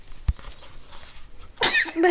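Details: Baby's small sharp sneeze late in the clip after quiet room sound, possibly from a stuffed toy puppy tickling his nose; sneeze.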